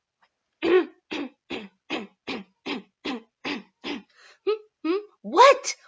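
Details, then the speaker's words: An adult with Tourette-like episodes describes vocal tics: grunts, squeaks, barking, whistling and the word "hey". "I went through a whole range of different tics never any words except for maybe hey I think hey was something I said but mostly just like grunts or squeaks EDD barking for a little while just so annoying whistling"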